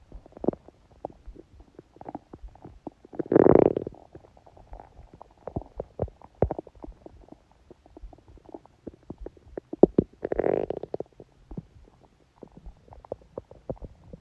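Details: Woman recording her stomach during menstruation, with only a dull ache: quiet intermittent clicks and pops plus two longer, louder gurgling growls; normal bowel sounds.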